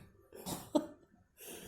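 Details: Adult smoker coughing after a quit-smoking therapy; one harsh cough with throat clearing and breathing around it.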